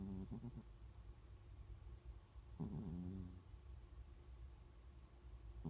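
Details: A sleeping cat gives a low, steady rumble broken by a couple of brief, throaty snorts; snoring.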